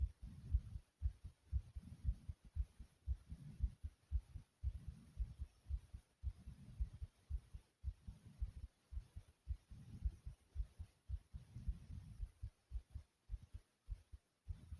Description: Listen to how fast and loud my heartbeat is ❤❤ like, comment, subscribe, and enjoy #heartbeat #fast #subscribe